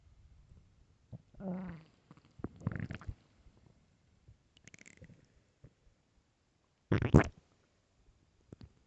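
Low gurgling and rumbling bursts with quiet gaps between them; stomach growling from an empty stomach.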